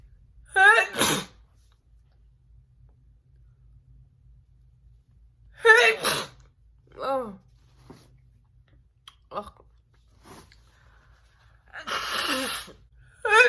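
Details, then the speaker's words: A woman's deliberate messy sneezing for a requested personalized video: sharp voiced inhalations building to about three forceful sneezes, with brief exclamations between, in a quiet room. "today it's a personalized video and they requested messy sneezing that's what i believe it was um so that's what we're gonna be doing today"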